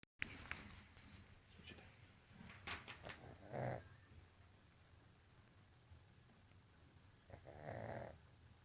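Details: Jug (pug cross) puppy snoring: two snorting, rattling breaths a few seconds apart over room noise.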